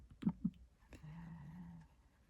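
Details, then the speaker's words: Sleeping pet cat snoring: one soft, low, buzzing snore lasting under a second, with faint clicks nearby. "you can hear Daisy snoring"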